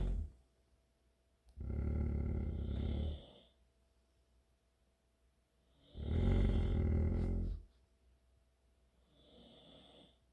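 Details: Dog snoring while another dog growls: loud, low, rattling snores, two long inward breaths about four seconds apart, then a fainter third; ordinary snoring.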